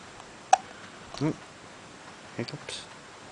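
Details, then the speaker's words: Newborn baby boy with hiccups: soft, sudden, click-like gulping catches, about four in three seconds, in a quiet room. "We've got the hickety hiccups. You should hold him, babes. Should I try and scare him? Maybe he'll get rid of his hiccups."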